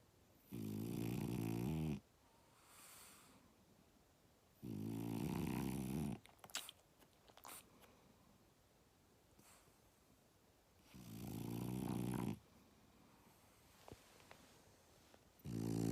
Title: Snoring in my ear, my dog is my alarm clock